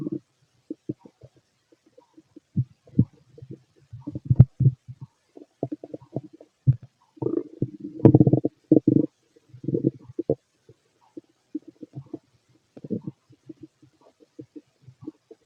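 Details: Fit male's abdomen heard through a stethoscope while he digests a mixed meal; irregular low gurgles and rumbles: ordinary bowel sounds.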